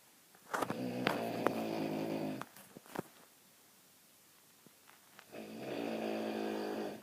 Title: Loudest snoring ever